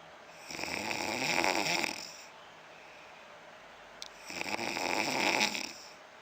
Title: funny man snoring...